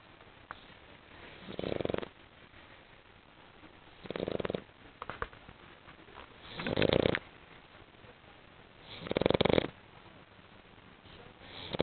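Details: A sleeping female dog snoring: short, raspy snorting snores about every 2 to 3 seconds, with small sniffs between; she wakes at one point.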